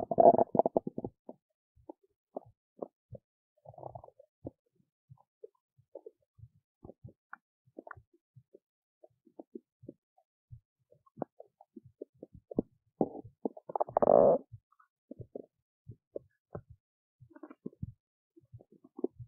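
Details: Belly noises from digesting oats: scattered gurgles, pops and short bubbling runs over quiet stretches, normal bowel sounds during digestion.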